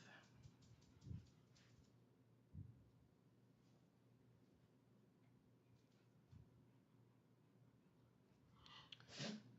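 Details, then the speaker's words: A quiet room with soft thumps, then one sharp, hissing sneeze near the end from a dog that sneezes often. "Oh, Pixie, for heaven's sakes. Pixie's our sneezer. That dog sneezes more than any dog."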